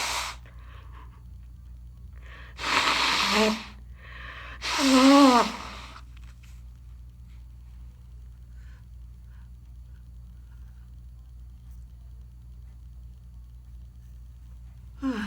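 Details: Person with a bad head cold: two loud, sharp inhaled gasps with a rising voiced catch, the build-up before a sneeze, then quiet room hum; gasping.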